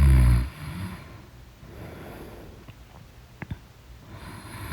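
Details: Person snoring in deep sleep: deep, rumbling snores at the start and end with a quiet pause between; loud snoring.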